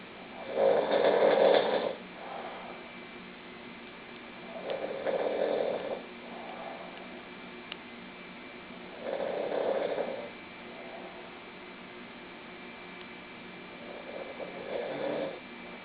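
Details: Snoring: four loud rasping breaths in a slow, steady rhythm, about 15 a minute, with quiet pauses between them.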